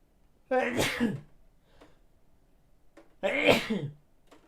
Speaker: so uh if you wondered what my sneezes sound like that's that's what i sound like